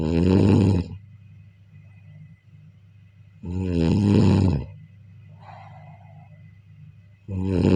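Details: Snoring during sleep: loud, rough snores on each inhalation, about 16 a minute, with a steady low hum between them.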